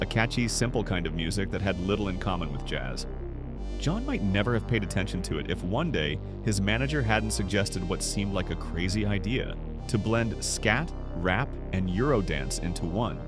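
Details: Adult male narrator; Normal fluent speech.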